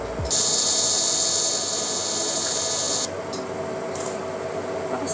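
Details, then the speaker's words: CO2 fractional laser used on facial acne scars during a treatment series: a high-pitched hiss and whine for about three seconds, then quieter bursts. "This is CO2 fractional laser so ang ginagawa nito is dina-down niya yyung skin natin through lights to stimulates collagen production"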